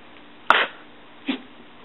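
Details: A female dog sneezing on command gives one sharp, explosive sneeze, then a softer short puff of air through the nose.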